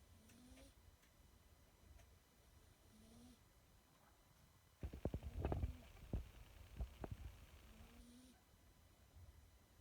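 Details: Sleeping kitten snoring: faint, soft rhythmic breathing noises with a burst of louder handling or rustling midway; light snoring.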